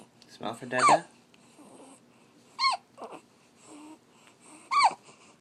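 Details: Puppy of uncertain age in weeks, hiccuping: three short, squeaky hiccups about two seconds apart.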